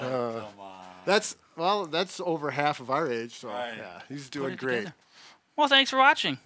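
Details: Adult speakers, likely more than one; ordinary speech.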